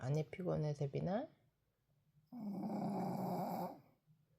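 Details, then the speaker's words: Tired Shih Tzu dog snoring: one long buzzing snort-like breath after a woman speaks briefly; dog snoring. "어 왜 세빈이가 피곤한지 코를요? 어지간이 피곤한가 봐요."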